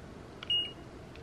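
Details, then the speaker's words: Digital thermometer beep, a single short high-pitched tone in a quiet room, as a sick adult with three days of body aches, migraine and fever the night before checks her temperature; readings 97.7 then 97.9 °F. "Last night, my mom checked my temperature and I was running a fever. Let me check it right now."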